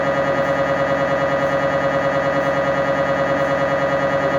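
Loud, steady electronic buzzing pulsing about twice a second: the typical noise of an MRI scanner running a scan.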